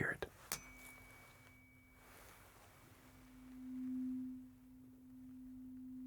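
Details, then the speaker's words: Simulated ASMR doctor roleplay exam: after ear checks, a tuning fork hearing test where the patient says when the vibration can no longer be heard; a light strike, then a soft steady hum that swells and fades. "And a little just a little bit of a a tuning fork test and just let me know when you um can no longer hear the hear the vibration sound."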